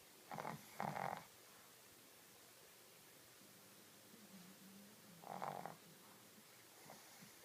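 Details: Snoring from a sleeping Shih Tzu dog: rough snorting snores, a close double burst then two more spaced out, over quiet room hum.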